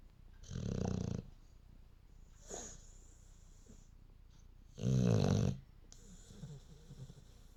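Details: Two loud, rough, vibrating snores separated by quieter whistling and hissing breaths; snoring.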